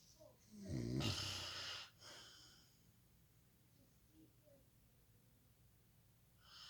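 One rattling snore on the in-breath, then a softer breathy exhalation and quiet; snoring.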